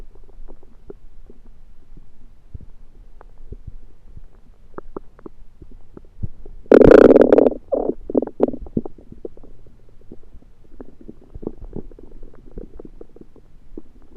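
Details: Borborygmi: low background gurgling with one loud bubbling rumble burst midway and a few short gurgles, late after eating a home-cooked meal the person thinks was undercooked, late February 2023.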